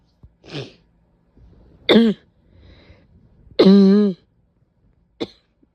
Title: painful barking cough with a couple sneezes